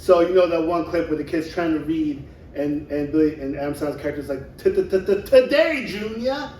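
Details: Adult man; typical speech.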